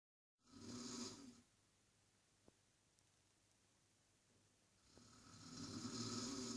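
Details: Two loud, rough snores with a quiet pause between, on the in-breath during sleep, from a man.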